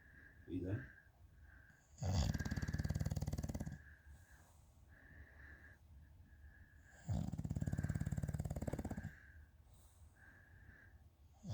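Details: Deep, rumbling, fluttering snores about two seconds each with a faint whistle between them; loud snoring in a sleeping bulldog.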